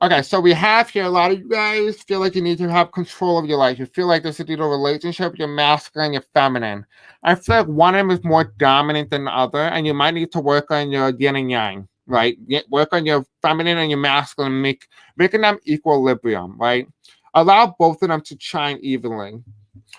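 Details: Man who says he has a deaf accent and may have a hard time pronouncing certain words; deaf speech (deaf accent).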